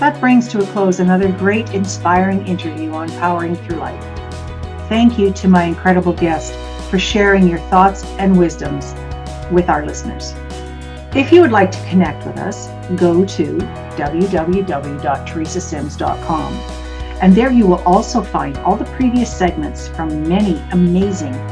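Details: Adult woman speaking; normal speech.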